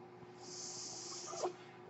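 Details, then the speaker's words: The speaker's own mechanical ventilator, heard while he talks: a steady airy hiss with a faint hum, then a brief puff near the end of the cycle. Mechanical ventilator sound. "That noise you're hearing is my ventilator."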